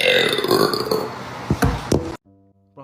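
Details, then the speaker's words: Loud voiced belches over background music and talk, then a cut to quiet; burping. "Holy [ __ ] was that, bro? Oh, that came out of nowhere."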